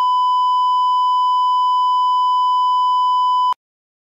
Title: Hospital Monitor with FlatLine (L) (HD)